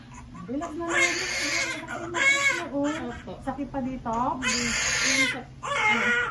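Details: Newborn crying just after a normal vaginal delivery: loud, high-pitched crying in repeated bursts with breaths between, adult voices nearby.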